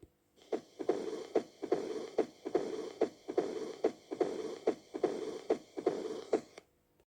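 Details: Mitral stenosis, a mid-diastolic murmur, auscultated with a stethoscope at the apex (fifth intercostal space, midclavicular line): regular heartbeat near 72/min with sharp sounds and a low rumbling murmur filling the gaps between beats.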